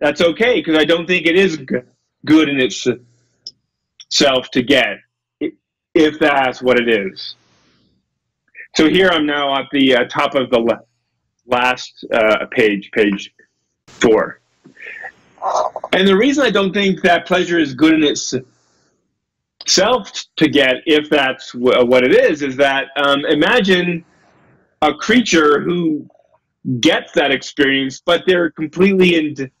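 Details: Adult male lecturer who self-reports a speech impediment: he stutters and gets stuck on his words; stuttering.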